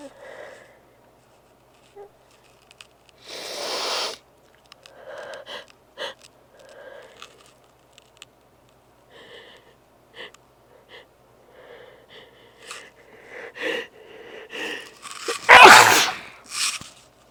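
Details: Repeated sneezing fit in a congested person whose nose was left very sensitive after an intense morning fit less than an hour earlier: sniffs and nasal breaths building to several sneezes, with a loud final sneeze.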